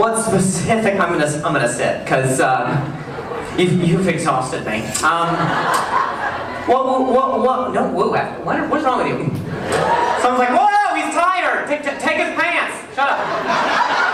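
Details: Adult male comedian with stuttering, performing live stand-up; he says hearing noises in his ear while he talks makes him stutter.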